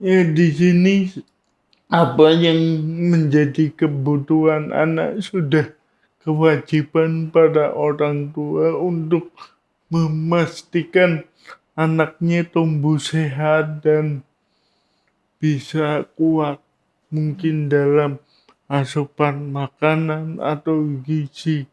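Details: Adult man with cerebral palsy, no speech disorder named; speech in cerebral palsy (possible mild dysarthria).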